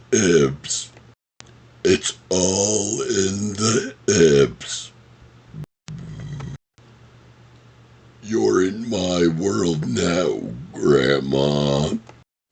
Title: Burp Speech #24 - Happy Gilmore Quotes ( Talking While Burping )